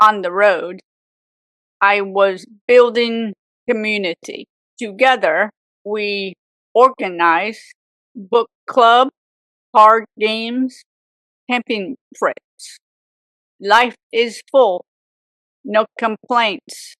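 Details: Aphasia in an adult woman, 18 years after a severe stroke at age 44 that also left apraxia; chronic post-stroke aphasia after years of speech therapy.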